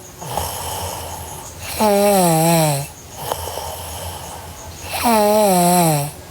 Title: Sleeping Girl Snoring (NGR) Part 1